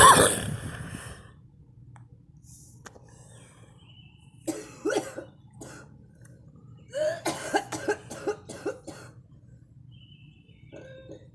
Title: me coughing